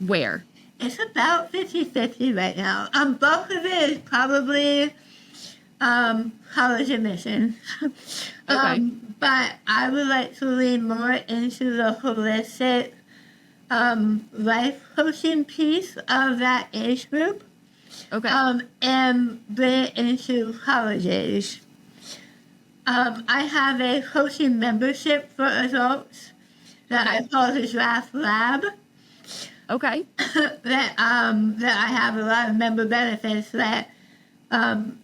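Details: Adult woman about 3 years after stage 4 tongue tumour treatment: over half of tongue removed and rebuilt with forearm skin graft, neck dissection, 6 weeks of radiation and chemotherapy; altered speech since treatment, sometimes not understood by strangers; articulation disorder after partial glossectomy.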